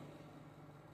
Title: oxygen concentrator